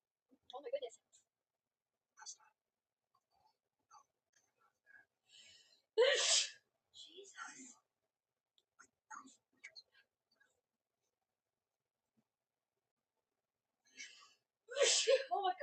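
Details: Woman's sneezing fit, looped TikTok edit: several loud sneezes in quick succession with quiet gasps, sniffs and snorts between them, followed by exclamations.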